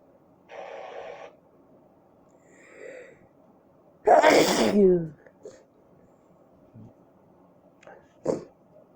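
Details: Sneezing that did nothing to relieve a tickle in the nose: a quiet breath in, one loud explosive sneeze, a few small sniffs and a faint second sneeze-like burst in a quiet room.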